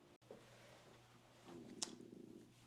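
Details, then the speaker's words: A woman's stomach growling with a deep grumble, which she attributes to hunger; borborygmi. "oh my stomach is growling that was a deep Grumble can you guys hear that she's hungry"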